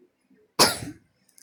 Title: maaf y ada suara batuk janlup ramein